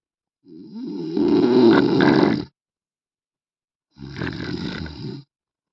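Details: Man snoring heavily: two loud, harsh, rattling snores, the first long and rough, the second shorter, separated by a silent pause.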